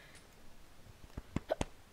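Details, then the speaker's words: A few short, sharp throat jerks in quick succession over a quiet background, from a gamer who has the hiccups during SkyWars commentary; hiccups. "so I might have the hiccup I'm gonna have the hiccups now all right oh gosh hiccups are not good especially during videos"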